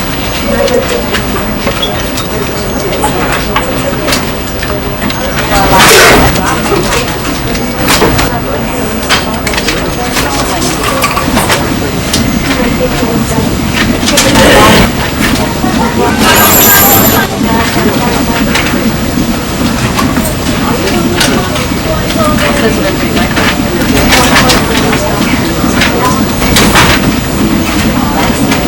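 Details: Simulation of hyperacusis and tinnitus: loud, harsh everyday noises with sharp cracks over a constant high-pitched ringing tone.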